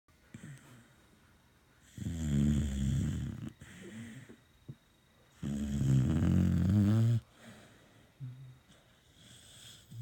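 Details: Sleeping beagle snoring: two long, deep, fluttering snores with soft breathing between them.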